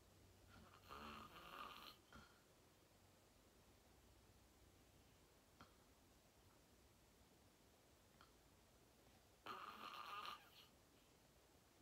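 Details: Real self-recorded sleep; person fell asleep fast, around 8:45, and slept deeply, reportedly REM. Two loud, rattling snores on in-breaths about eight seconds apart, with quiet breathing between in a still room. Loud snoring.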